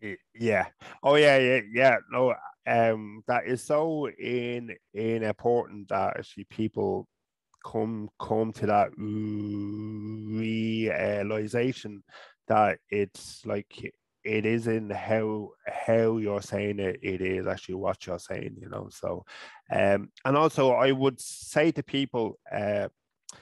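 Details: Adult man from Ireland who has stuttered since about age five or six, with blocks, avoidance, word substitution and filler words; he still stutters openly.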